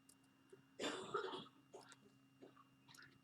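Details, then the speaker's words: An adult roommate who is unwell gives one muffled, rough off-mic cough, then a few faint smaller sounds: cough. "I know you can hear my roommate she's coughing so she's not feeling well today"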